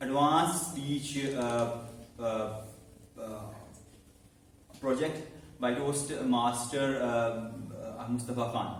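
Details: Man who stammers, about eight to nine months in a stammering support speaking club, speaking live as meeting host; stuttering.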